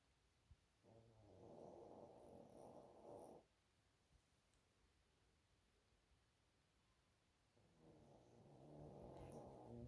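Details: Snoring from a dog sleeping and dreaming on a lazy afternoon: two long, rough, rumbling breaths separated by a quiet pause.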